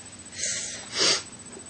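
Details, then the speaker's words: Woman with prolonged hiccups that have gone on for quite some time and are unusually frequent today; a breathy intake followed by a short, sharp, gulping burst of air, a single hiccup. "so I have the hiccups and they're bugging me right now because I'm just this has been going on for quite some time now and usually they're not this crazy but today they decided to"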